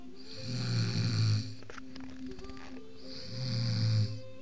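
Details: Friend snoring in sleep: two deep, rumbling snores with a quiet gap between them over a soft steady background tone.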